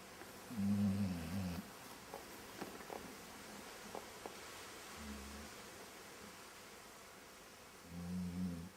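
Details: A dog that is still awake with her eyes open gives three low, rumbling snores on her breaths, a few seconds apart, with quiet room noise between.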